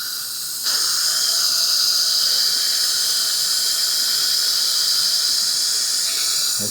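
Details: Loud steady hiss with a thin sustained whine of a surgical drill running about six seconds, during live placement of 2.0 x 11 mm mini dental implants in the lower jaw to rescue a failed conventional implant denture in a woman.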